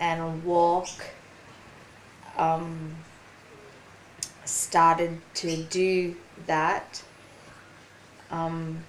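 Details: Woman, 43, with aphasia after a ruptured brain aneurysm and stroke 4.5 years earlier; slower speech and word-finding difficulty; aphasia.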